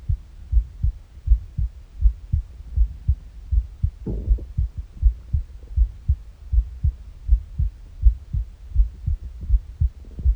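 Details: Regular lub-dub heartbeat of about 80 a minute over a low hum, recorded in the morning on an empty stomach, with a brief gurgle of bowel sounds; normal heart sounds with bowel sounds.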